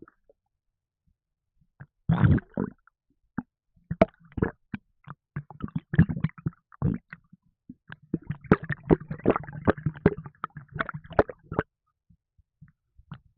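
Irregular bubbling, popping and gurgling bursts in a quiet room; ordinary stomach gurgling after a fizzy drink.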